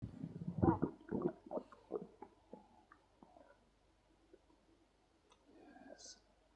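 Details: Adult man's hungry stomach growling during digestion while he presses and plays with his belly: quiet gurgles and soft sloshing pops fading over a few seconds, bowel sounds (borborygmi).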